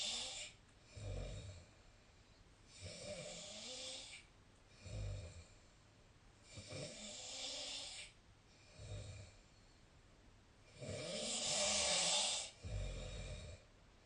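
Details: Sleep snoring recorded with a snore-tracking app (SnoreLab) on 2025-03-19: regular, about 30 rough, rattling breath cycles per minute.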